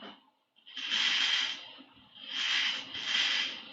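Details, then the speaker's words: Amplified hissing, rasping bursts recorded as a biopsy needle is inserted into an olive, vibro-acoustic signals of the needle breaking through tissue made audible, sensations surgeons generally don't feel; needle-tissue interaction sound. "what you feel there are the tiny interactions that are produced by the living in the middle break the tissue of this Olive so we can amplify enhances and we can transform these introductions in the algebra range for the people"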